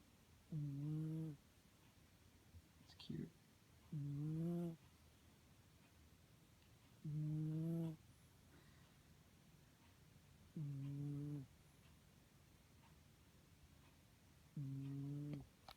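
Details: Sleeping female cat snoring: regular droning, slightly whistling breaths about 18 a minute.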